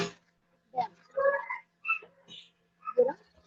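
Short, harsh, croaking breath sounds in quick succession, with a steady low room hum behind them. This is laboured dog breathing with an expiratory thump from an airway foreign body.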